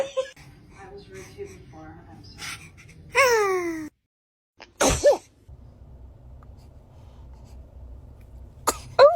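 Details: Several tiny, high-pitched sneezes from babies, each a quick sharp burst, a normal reflex clearing the nose.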